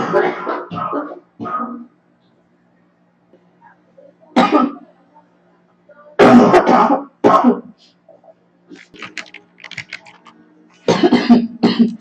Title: Girl Coughing 405